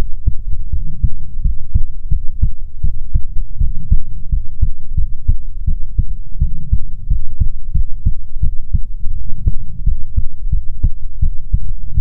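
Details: ASMR heartbeat recording heard up close: steady, muffled low thumps at about 100 a minute under a soft rumble; normal heartbeat.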